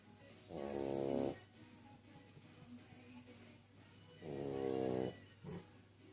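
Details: Budda, an English bulldog, snoring loudly: two loud, drawn-out snores, each under a second, with quieter breathing in between.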